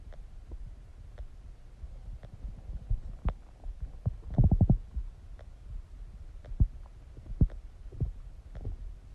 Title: Stomach growling sounds | My Stomach Makes Noises